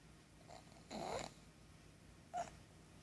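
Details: Short, rough, snorting snore bursts from a 7-year-old pug, dead asleep, one loud and one briefer, over quiet room noise: snoring.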